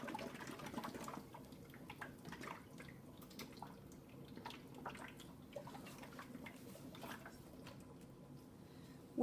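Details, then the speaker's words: Continuous watery bubbling from the suction control chamber of a neonatal water-seal chest drain connected to wall suction; gentle steady bubbling is the desired suction, not vigorous bubbling. "When you turn the section on, what you want is just a gentle bubble. You don't want vigorous bubbling like that. You want just a gentle um control of suction."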